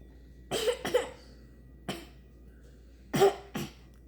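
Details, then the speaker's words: Hiccups in a speaker who says they came from eating a lot (spaghetti, bacon, cheese): five short, abrupt, sharp catches of breath in quick bursts, in a quiet room. "I get hiccups. What did you do? Why did you got hiccups? Because I eat much."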